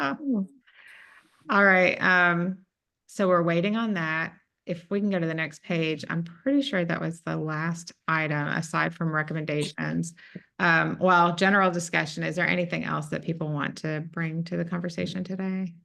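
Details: Adult woman speaking in a meeting; normal speech.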